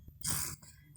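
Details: Baby with a cough and cold, during a chest massage with roasted garlic and telon oil, gives one brief, breathy, harsh cough with quiet room noise before and after.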